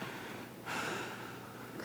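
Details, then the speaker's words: Adult inpatient with asthma for 8 years, hospitalized with winter breathlessness, taking a deep breath for auscultation; loud wheezing and night-time coughing now much improved, some breathlessness remains on walking. "크게 크게 쌕쌕거리는 것도 많이 좋아졌고 밤에 새벽에 기침나서 깨는 것도 많이 좋아졌고"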